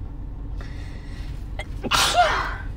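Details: Adult female sneezing uncovered, filmed by her partner; she reports being able to make herself sneeze: quick inward breath, then one explosive uncovered sneeze. Sneeze.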